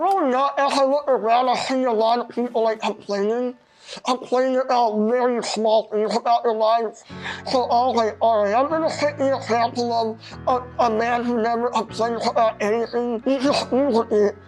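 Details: 21-year-old man with a very rare syndrome affecting face, eyes, fingers and throat; palate and throat surgeries not fully successful, further surgery hoped for; resonance and articulation disorder with hypernasal speech.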